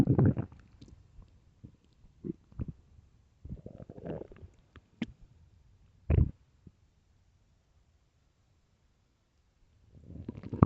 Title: extreamy loud empty deep stomach growls part 3